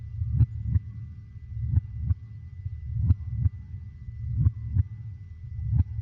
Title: HEARTBEAT SOUNDS| Help Your Baby Get to Sleep (20 min) 🖤| baby sleep #baby